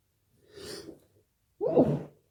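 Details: Late-night sneezing fit during a cold; woke from a strong nose tickle and sneezed into a pillow trying to be quiet: a sharp indrawn breath, then a forceful burst.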